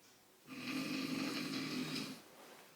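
A single long, rumbling snore lasts under two seconds, from an adult man asleep in a quiet room.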